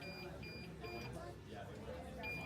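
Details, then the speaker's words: Infusion pump alarm during a nursing student TPN administration and tracheostomy care demo: repeated short high beeps over quiet room noise and distant talk. "okay we're just we're just gonna get the teacher because the pump is beeping"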